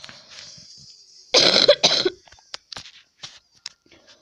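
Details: Person who says they are ill, coughing while gaming: two loud, harsh cough bursts with faint room noise and clicks around them.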